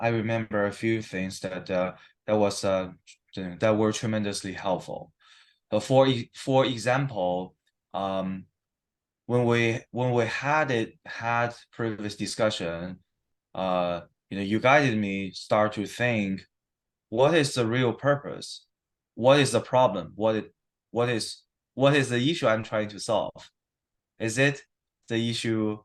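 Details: Adult man with stuttering, 7-8 weeks into stuttering therapy that has not used physical strategies or fluency control; he reports sometimes having severe stuttering in conversation; stuttering.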